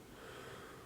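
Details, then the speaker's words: A brief, quiet, steady rush of air as a deep breath is drawn in, no added sounds, heard with the stethoscope over the back during a chest exam; normal breath sounds. "I'm going to listen in at least three or four areas going again left to right and listening to your lungs in the back."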